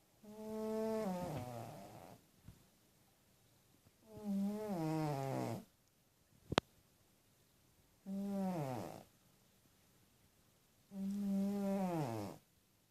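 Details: Small sleeping cat snoring: four slow, rumbling snores with a rising-falling drawn tone, about 17 a minute.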